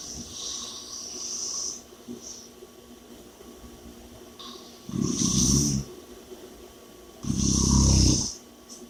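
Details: Loud rattling snores on inhalation, two clear cycles with hissy breathing between, over steady room hum; ordinary snoring.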